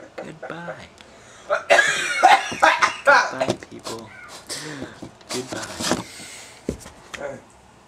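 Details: Child (brother) gives loud, harsh, partly voiced, funny-sounding coughing burst amid brief speech in a small room at home; cough.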